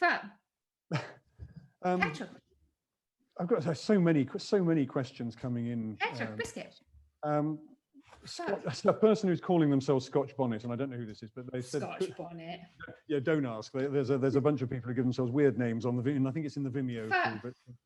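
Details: Adult speaker; normal speech.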